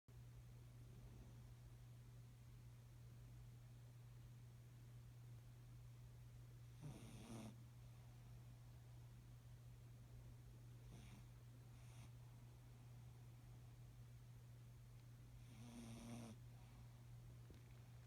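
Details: Zeus, a cat lying on a pillow, snoring: three soft, rough snoring breaths several seconds apart over a steady background hum, said to sound like a hog.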